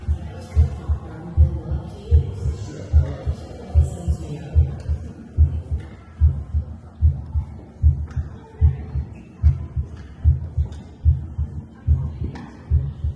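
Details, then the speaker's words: Museum heart exhibit at a Houston health museum playing steady deep heartbeats at about 73 per minute over background music and crowd noise; a normal heartbeat. "It's pretty cool. You can hear the heartbeating."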